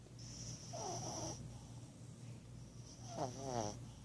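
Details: Small sleeping dog snoring very loudly: two snoring breaths, each with a whistling nasal tone and a short throaty rumble, over a steady low room hum.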